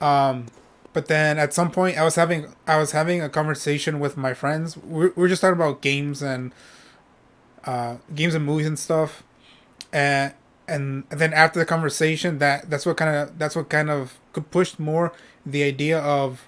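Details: Adult male who states he stutters when speaking and often repeats himself; stuttering.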